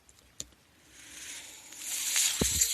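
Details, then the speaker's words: The speaker's own mechanical ventilator sounds as he closes a podcast: a soft, steadily building hiss of airflow with a few clicks and a low thump; mechanical ventilator. "That noise you hear is my ventilator. Thank you for tuning in to Page Turners They Were Not, my Star Wars podcast."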